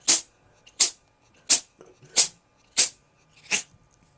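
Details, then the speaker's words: Cat in a sneezing attack said to have lasted about 20 minutes: six sharp, hissy sneezes in quick succession over about four seconds; repeated sneezing. "this is my cat Sammy I've had this cat for like hold on I'm being rudely interrupted by epic sneezing"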